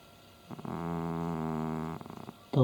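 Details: Cat named Tom snoring while asleep: a single drawn-out, buzzing, low-pitched breath over a second, faint background music.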